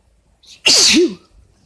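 A single loud sneeze with a short intake of breath before the explosive burst.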